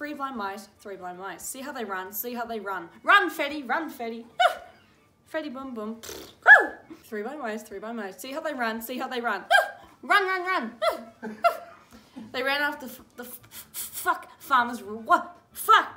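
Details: Teenager with Tourette syndrome reading aloud, interrupted by vocal tics of interjected words and sounds.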